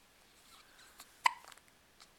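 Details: Baby girl about 2.5–3 weeks old with hiccups: one short, abrupt voiced catch with a brief follow-on sound in a quiet room; a single hiccup.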